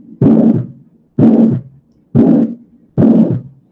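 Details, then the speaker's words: Aortic stenosis heard at the aortic focus: a harsh, rasping, vibrating systolic ejection murmur with each beat at about 63 a minute. "que ya es un sonido áspero, vibrado, que nos habla, nos relaciona, que si yo lo estoy escuchando en el foco aórtico, de un soplo eyectivo asociado a una estenosis aórtica."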